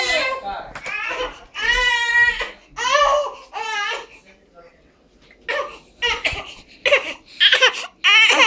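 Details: Infant crying in loud, high-pitched bursts with breaths between them, in a small room; ordinary infant crying.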